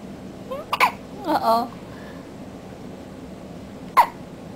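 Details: Infant hiccups: short, sharp voiced catches with a little baby vocalizing in between.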